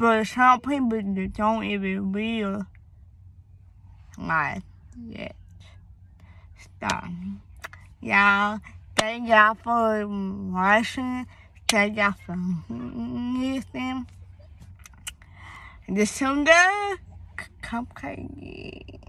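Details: Young woman, born premature, with a speech impediment that began around third grade along with hearing loss (deafness), cause not found by doctors, treated with speech therapy at school; speech impediment.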